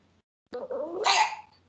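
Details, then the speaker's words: Recording of croup played during a lecture: after stridor, one harsh, dry, seal-like barking cough following a brief silence, typical of croup. "Some dry cough-like sound which heard like barking. A dry cough, very looks like very painful. That's a croup."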